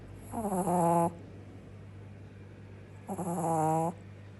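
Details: Shih tzu puppy snoring while asleep: two tonal, fluttering snores a few seconds apart, each with a whistling hiss.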